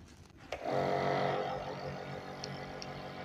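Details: Device control sound: a click, then a steady low motor hum and rattle as a home nebulizer air compressor starts and runs during a demonstration of how to use the machine.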